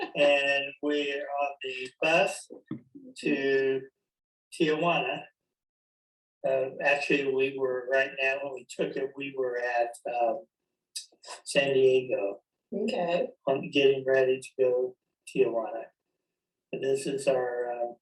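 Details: Man with chronic anomic aphasia, describing a photo with a clinician during a collaborative referencing conversation therapy game. Real speech showing anomic aphasia.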